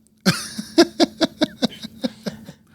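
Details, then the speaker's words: Coughing fit during a talk conversation: a rapid run of about ten short, sharp, closely spaced coughs fading toward the end. "I get it my pure Consciousness was telling me to cough right he's like breathe brother"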